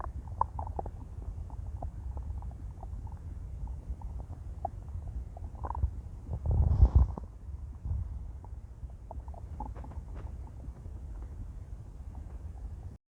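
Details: Stomach growling after 18 hours of fasting: low rumbling and gurgling from an empty stomach, with one louder growl midway.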